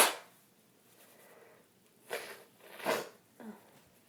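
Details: Person with a bad cold sneezing: a sharp burst then several short explosive sneezes in a quiet room.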